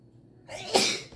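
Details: Sneeze triggered by a COVID-19 nasal swab test: a quiet lead-in, then a single sharp, explosive sneeze.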